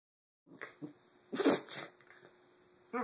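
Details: Puppies sneezing: a few small snuffles, then one sharp, airy sneeze burst followed by a softer one.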